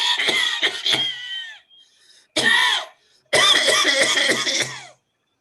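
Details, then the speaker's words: Imitated coughing bursts, each trailed by a high whistling wheeze, demonstrated in a paediatric cough teaching module to illustrate small lower airway involvement; simulated cough with wheeze. "did I did you get a v component associated with the cough so that's where you get a smaller a getting involved"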